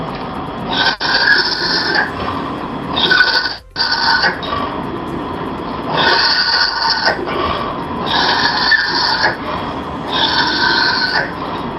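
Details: Inspiratory stridor (laryngeal paralysis).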